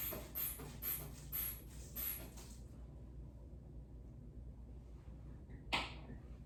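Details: Four rhythmic squeezes of a hand bulb pump up a manual blood pressure cuff, then quiet and a brief release hiss; orthostatic vitals on an adult male after a position change, arm held up, reading 110/76.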